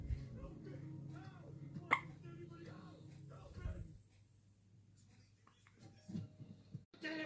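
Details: Baby getting upset with hiccups: a sharp, brief hiccup amid fussy vocal sounds and soft background noise; hiccups.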